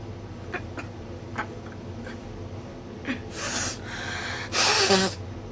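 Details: Sneezing triggered by frankincense and myrrh incense smoke that stings the nose: several short sniffs and catching breaths, then two sharp, hissing sneezes over a steady room hum.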